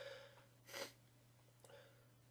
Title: Trying not to sneeze